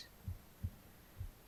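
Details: Soft, dull paired thumps at about 64 a minute under a faint hum, a heartbeat recorded on the left side of the chest. Heartbeat.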